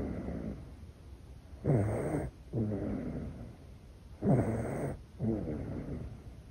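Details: Sleeping infant in deep sleep: soft, rhythmic snoring with each breath, about two breath cycles, gentle sleep snoring.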